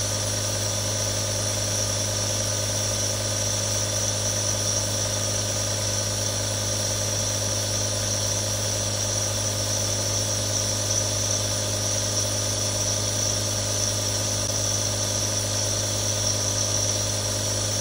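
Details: Real recording of a nebulizer running: a steady mechanical hum with a constant, unchanging hiss as the nebulizer runs continuously.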